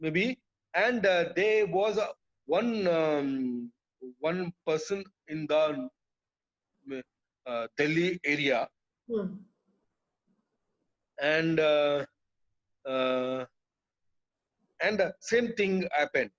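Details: Adult man with non-fluent aphasia after a brain haemorrhage (burst) stroke hitting his speech centre; told he would never speak again; relearned speech through years of speech therapy; still hesitates and cannot always finish sentences; non-fluent aphasia after stroke.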